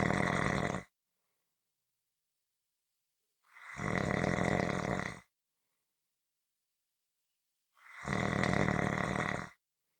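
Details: Loud, rough snores roughly every four seconds with total silence between, a looped-sounding steady pattern; snoring.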